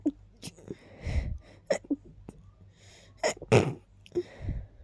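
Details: Rapid repeated sneezing with build-ups after smelling lilies and keeping them nearby: several quick sneezes in a row, each preceded by short catching breaths.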